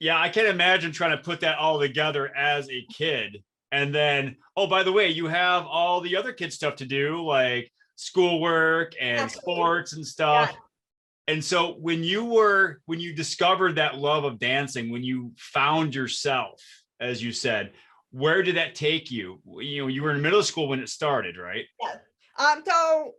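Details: Adult male speaker; normal speech.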